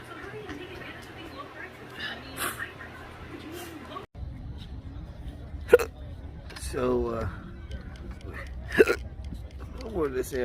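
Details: Intractable hiccups with choking spasms, Oct/Nov 2022; episodes last hours and are worsening; sharp, abrupt vocal catches repeating at irregular intervals.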